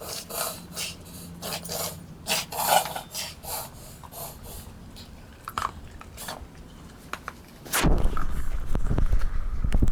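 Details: Dog (Holly) with pale gums, dehydrated, breathing in noisy, raspy snorting bursts, an abnormal upper-airway sound; owner suspects kennel cough; snorting breathing.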